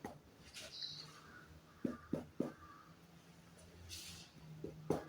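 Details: Resonant (normal) percussion note over the chest during a demonstrated respiratory assessment of an admitted adult male patient.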